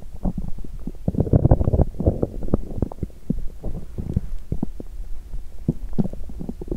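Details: Loud, irregular gurgling and rumbling abdominal sounds in repeated bursts, borborygmi on an empty stomach after exercising while hungry, causing feeling unwell.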